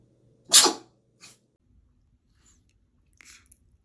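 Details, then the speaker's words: Animal sneezing, possibly after getting water in its nose: one sharp sneeze, then a smaller second sneeze and a faint snuffle. "Are you gonna sneeze? Bless you. Did you get water in your nose?"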